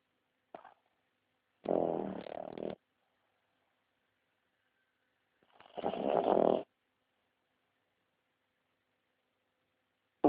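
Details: Sleeping pug: two rattling, snorting snores about four seconds apart with quiet pauses between, typical of a flat-faced dog's noisy breathing; snoring.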